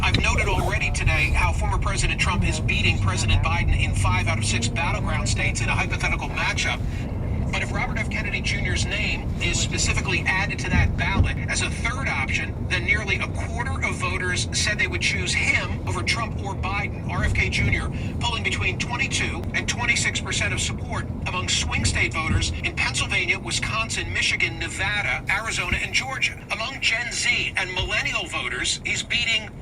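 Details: Adult speaker, news-style narration; normal fluent speech.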